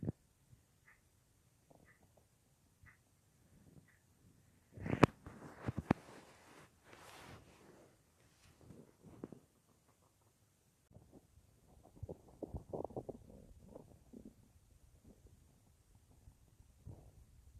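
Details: Adult's stomach rumbling recorded lying on left side at night, about an hour after soup with no full meal that day, phone in front of belly or mic pressed against belly; irregular gurgles and low rumbles: bowel sounds.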